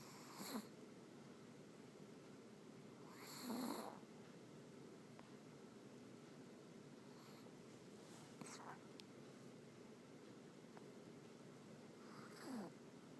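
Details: Dog that snores loudly, snoring in sleep: soft, irregular snorting snores with long quiet gaps in a quiet room.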